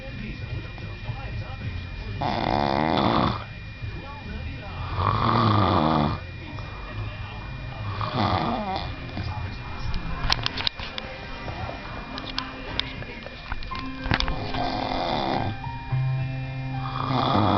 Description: The snoring that won't stop...even after I shook him!